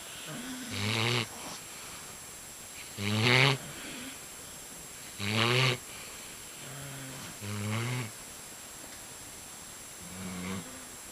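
Rhythmic rumbling snores with a buzzing flutter, about five in eleven seconds, over steady room hiss: dog snoring.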